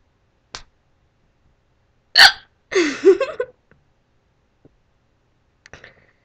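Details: Hiccups: sudden sharp gulping catches of breath at irregular intervals, one followed by a short voiced sound.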